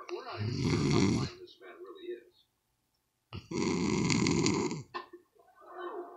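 Two loud, rough, rattling snorts, each about a second long, separated by a quiet pause; snoring.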